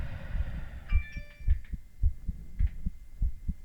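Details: Male heartbeat with ECG: regular thumps about 105 a minute with monitor beeps over room noise; heart sounds.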